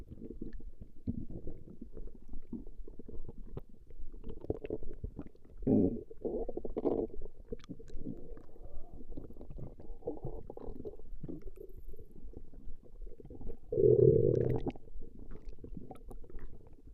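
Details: Female's stomach growling recorded over a 20-minute session: low rumbling and gurgling bursts with a louder growl near the end, ordinary borborygmi.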